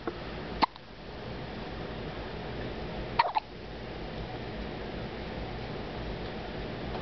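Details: One-week-old baby with hiccups: three brief, sharp hiccup bursts in about seven seconds, unevenly spaced, over steady room hiss.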